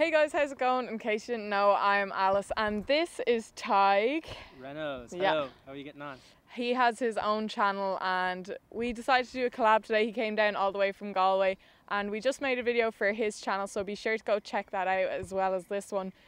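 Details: Adult woman speaking, brief second voice; ordinary speech.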